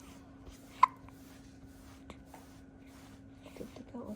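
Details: Newborn baby hiccups that occur after every milk feed: a single soft, sharp hiccup click against quiet room hum, with faint small sounds after.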